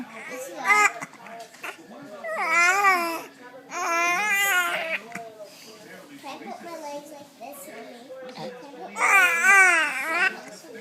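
Bursts of high, wavering infant crying alternate with quieter fussing and babble, with a strong wail at the end; an ordinary infant cry.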